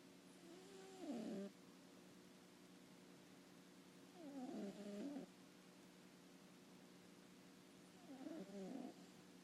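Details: Three soft, squeaky, whistling snores, roughly one every four seconds, over steady room hum; snoring.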